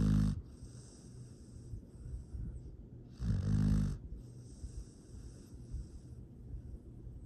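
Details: Two loud snorting snores, then softer breathing noises, from a sleeping rescue foster dog; sweet, happy snoring.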